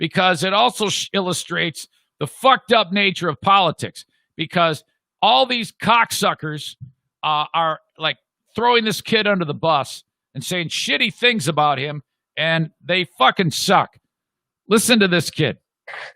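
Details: Adult man speaking; no speech disorder.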